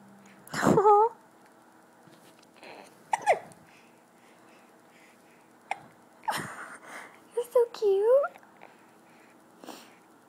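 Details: 2-month-old baby girl: several brief, abrupt squeaky catches in her breathing, spaced a few seconds apart, with quiet adult talk nearby; infant hiccups.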